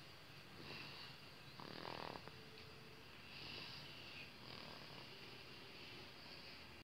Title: Bayi Ngorok